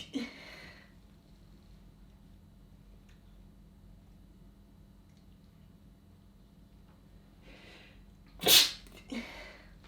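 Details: Short clip of a sneeze: a quiet room, then a sharp, explosive hissing burst near the end with smaller puffs around it.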